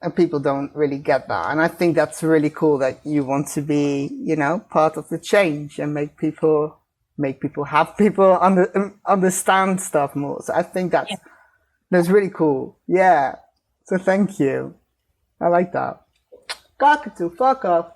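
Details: Adult speaker; Vocal tic (Tourette syndrome).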